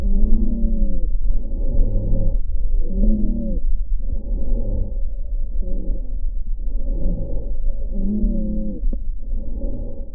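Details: Musical, whistling tones over each breath, recorded clinically through a stethoscope: wheezing.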